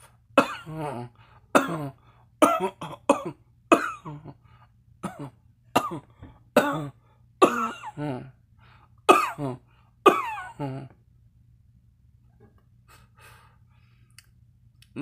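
A long run of repeated coughs with throat clearing, stopping after about eleven seconds.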